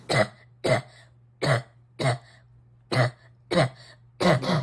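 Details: Child; seven short, dry, repetitive coughs in rapid, regular succession, a habit cough that goes on all day but stops once asleep.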